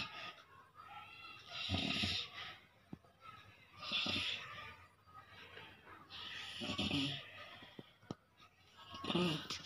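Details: Person asleep while sitting up, snoring loudly: rough, rattling snores about every two and a half seconds, roughly 24 breaths a minute.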